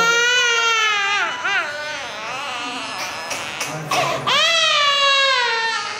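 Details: Baby scared before anesthesia for surgery: loud, high-pitched wailing cries with sobbing breaks between them; distressed infant crying.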